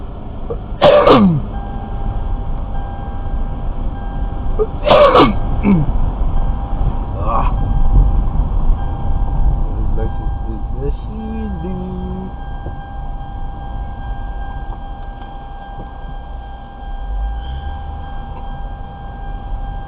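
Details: Adult valet coughing in a car: about four sharp coughs, two strong and two weaker, over steady car noise.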